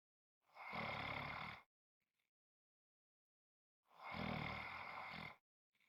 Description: This is a 5 1/2 minute clip of snoring.